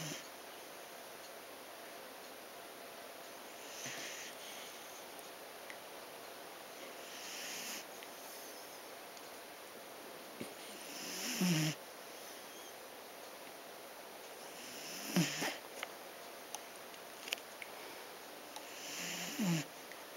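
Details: Irregular noisy snorting breaths every few seconds, about 16 a minute, over room hiss; heavy snoring in a sleeping dachshund napping.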